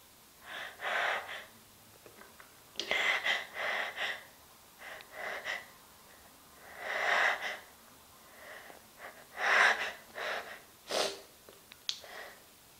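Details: Deliberately induced sneezes: repeated sharp airy sneeze bursts with gasping in-breaths between them, ending in a nose blow into a handkerchief.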